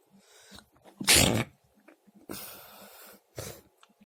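Three sharp, explosive bursts of air with quick in-breaths between them: a series of sneezes.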